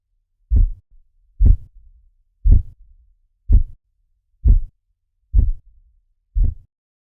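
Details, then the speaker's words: Seven regular low thumps at about 60 a minute as the cuff deflates: Korotkoff sounds during manual blood pressure measurement, systolic to diastolic, reading 110/70. "But now many guidelines consider the diastolic to be the point at which the sound stops. Now, let's listen for the systolic and diastolic numbers together to help you understand how to determine the patient's blood pressure."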